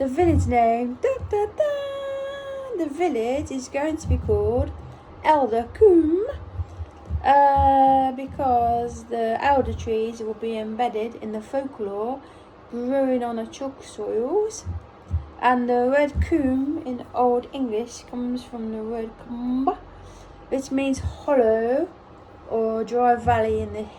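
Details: Apraxia of speech in an adult woman almost one year after a ruptured brain aneurysm, during brain injury aphasia recovery.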